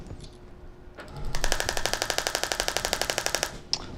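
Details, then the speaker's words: Shockwave (acoustic wave) therapy applicator firing short test run of sharp regular clicks, about four per second, angled toward centre of knee to regenerate cartilage, calibrated for patient comfort before ~5-minute knee treatment; shockwave applicator test pulses. "I'm going to set this up and calibrate it to make sure it's comfortable for the patient"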